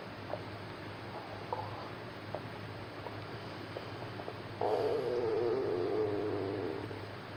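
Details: Loud growling and gurgling of a very hungry stomach; borborygmi.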